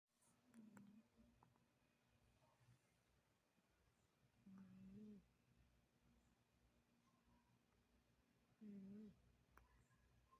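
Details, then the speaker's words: A sleeping kitten makes three soft, low, humming snores about every four seconds, roughly 15 a minute, in a quiet room: snoring. "Chega ronca. Tá roncando. Que isso menino, chega de me imitar e chega ronca."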